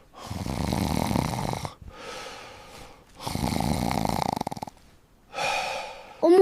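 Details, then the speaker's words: Father's very loud, tank-like snoring at night, suspected sleep apnea, with a breath seeming to stop; snoring. "잠을 잘 수가 없어요. 전쟁통에 탱크 지나가는데 어떻게 잠을 자요?"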